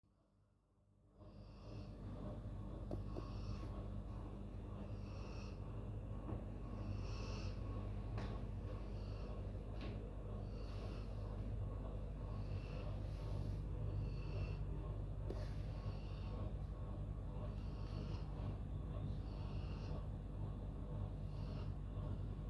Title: dog# snoring 😴